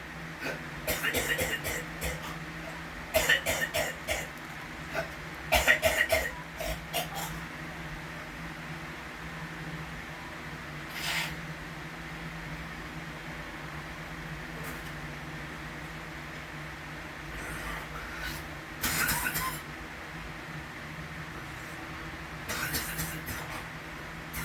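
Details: Repetitive cough lasting hours at a time, new since a month ago: repeated short clusters of coughing recurring every few seconds throughout.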